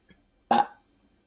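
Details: Adult eating peanut butter sandwiches and boiled eggs, belching deliberately, announced as the weakest burp: a single brief, soft belch from swallowed air. Belching.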